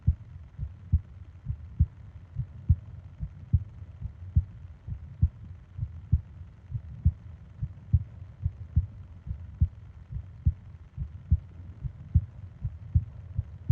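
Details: Japanese sleep ASMR recording of heartbeat and breathing sounds: steady soft low thumps at about 70 a minute over a faint hiss; normal heartbeat.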